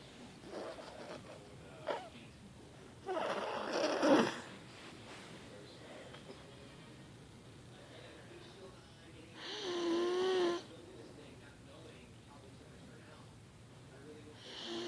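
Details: Snoring in a 5-year-old girl that happens every night: two loud rough snoring breaths over quiet room noise, one with a low rattling snort; irregular and widely spaced.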